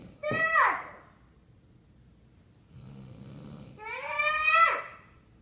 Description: 3 yr old tells dad to stop snoring